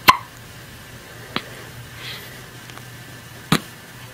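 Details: A baby around 1 week old hiccups: three sharp, brief, irregularly spaced hiccup sounds in a quiet room. Hiccups.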